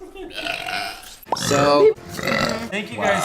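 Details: Burp from a burping compilation: a loud, drawn-out voiced burp mixed with speech sounds; belching.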